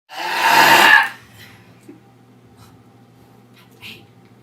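One loud, drawn-out belch lasting about a second, then faint room noise; an ordinary burp.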